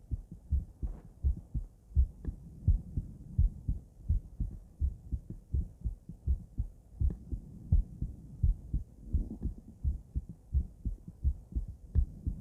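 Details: Female heart auscultated with several different stethoscopes via microphone, moving Erb's point, mitral, tricuspid, aortic, then pulmonic; regular lub-dub about 85/min with crisp first and second sounds; normal heart sounds.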